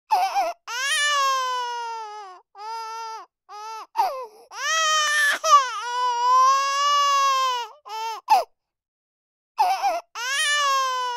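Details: Human baby crying in a series of high, sustained wails with brief catches of breath between them.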